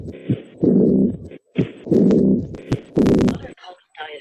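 Three slow heart cycles, each with a sharp sound followed by a long blowing murmur, then faint voices at the end: an early diastolic decrescendo murmur of aortic regurgitation.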